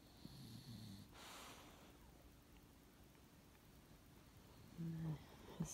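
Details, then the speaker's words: Dog sleeping through heavy snoring: quiet noisy breathing with short low snorts at the start and end, over faint room noise; snorting. "some heavy snoring there. It's looking bad."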